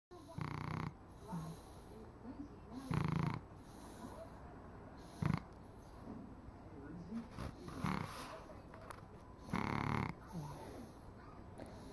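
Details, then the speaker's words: Sleeping baby snoring: soft, low, rough snorting bursts with quiet gaps, faint against steady room hiss. "love you, Nana. We love her, Dad. We love your snort, snort."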